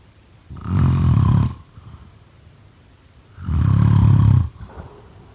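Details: Snoring.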